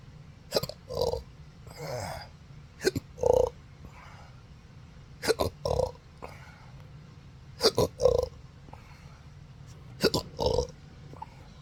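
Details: Intractable hiccups with belching, 4 July 2025, since December 2015 after surgery with nerve damage (pudendal; phrenic, vagus and sympathetic nerves affected): repeated short throat catches each followed by a voiced belch, about 25 a minute, uneven.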